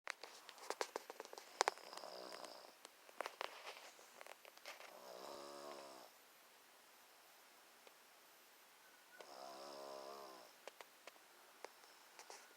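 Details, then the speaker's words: Old male snoring during a 1:30 pm afternoon sleep: buzzing, fluttering snores on the in-breath a few seconds apart, with scattered clicks and rustles in the room; ordinary snoring. "He's snoring. It's 1:30 in the afternoon. He's snoring."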